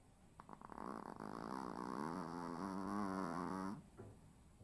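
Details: Little brother snoring: a single long, buzzing, vibrating snore on inhalation, rising and wavering in pitch; snoring.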